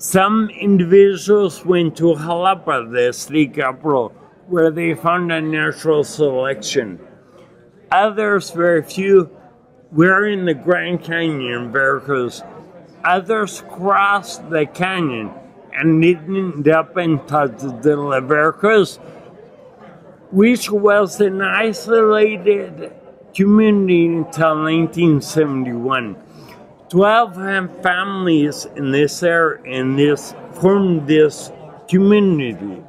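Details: Adult man with non-progressive acquired ataxia and myoclonus (Lance-Adams syndrome) from brain damage after Legionnaires pneumonia and a 12-day induced coma in 2011; he reports difficulty speaking and articulating and getting winded when speaking; ataxic dysarthria.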